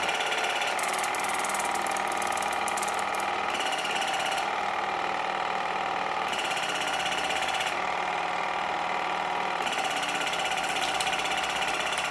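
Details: Waterpik WP-100 Ultra dental water flosser (irrigator) used in the mouth to clean between teeth and gum pockets: steady mechanical buzzing with fast pulsing rattle and splashing water; fairly quiet device running continuously.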